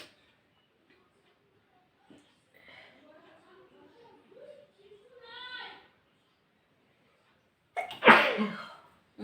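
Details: Quiet vocal sounds build up, then one forceful sneeze bursts out during a nose-blowing and sneezing video; an ordinary sneeze.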